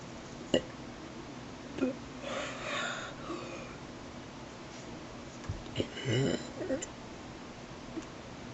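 Several brief, abrupt hiccup-like catches, spaced a few seconds apart, with quiet breathing and room noise between them.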